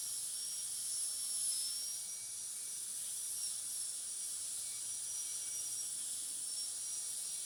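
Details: High-speed dental drill with a flat tapered bur finishing proximal and other surfaces of tooth 46 to an even shoulder finish line for a metal-ceramic crown; steady high-pitched whine and hiss with small pitch shifts.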